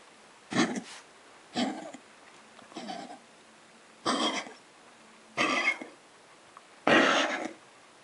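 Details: Dog on day 6 of coughing and vomiting, seen by a vet on day 4: six harsh, gagging, retching coughs about a second apart as she brings something up.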